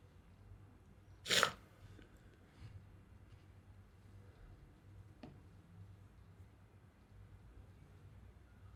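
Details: A single short, sharp sneeze in a quiet room, then faint noise.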